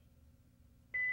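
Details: Quiet room, then a steady high electronic beep from an automated external defibrillator in a setup demonstration, the alert sounding after rhythm analysis just before a shock is advised: AED alert tone.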